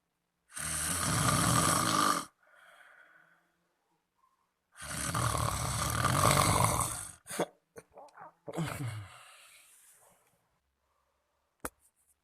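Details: Friend snoring heavily at night, keeping the recorder awake: two long, loud, rattling snores on breathing in, with quieter breath noises and a snort between them.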